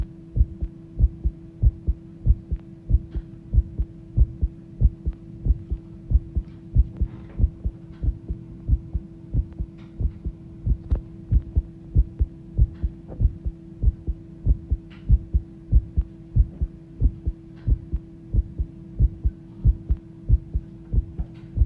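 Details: Recorded heartbeat that started pounding: steady, strong, brisk regular heart thuds at about 94 beats a minute over a constant low hum; fast heartbeat.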